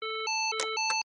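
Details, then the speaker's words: AED instructional demonstration: alternating two-pitch electronic tones as the shock is delivered after the flashing button is pressed, followed by the prompt "Shock delivered. Resume chest compressions." "Shock delivered. Resume chest compressions."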